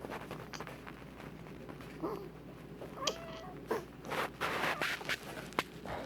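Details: Pet prairie dog that sometimes gets something stuck in its nose (owner suspects hay pollen): quick, irregular snuffly squeaks and snorts with each breath; noisy nasal breathing through a partly blocked nose.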